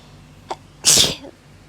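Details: A brief inward catch followed by one loud, hissing hay fever sneeze, from a compilation filmed over 3–4 days.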